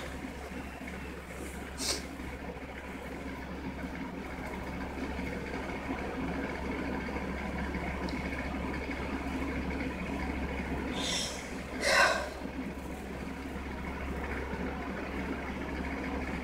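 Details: A short, partly stifled sneeze burst over a steady low mechanical hum, with a smaller puff earlier; an induced sneeze.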